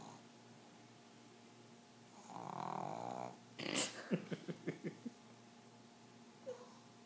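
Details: Pug snoring: a drawn-out snorting inhalation, then a quick run of short snuffling grunts, typical noisy snoring of a flat-faced dog.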